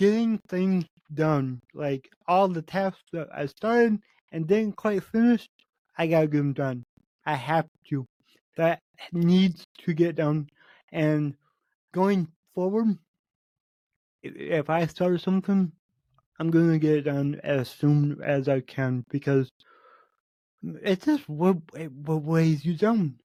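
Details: Spontaneous speech from a male podcast host with cerebral palsy, which he says affects every muscle in his body; he reports his speech has improved since 8 months earlier as his health improved. Dysarthria (cerebral palsy).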